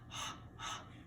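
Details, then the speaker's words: Adult imitating newborn mouth breathing in a newborn assessment on a baby doll: two quick, airy open-mouth breaths, shown as a distress sign, since newborns are nose breathers. "Other signs of distress that we would be looking for is nasal flaring, maybe a baby breathing out of their mouth. Babies are nose breathers."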